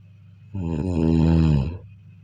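A single loud, low, vibrating snore lasting over a second; typical snoring.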